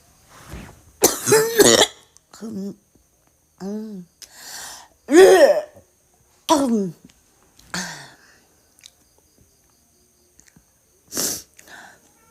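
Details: Girl with a harsh coughing fit: repeated forceful coughs and throat-clearing with straining, retching and gagging sounds between bursts; cough with vomiting.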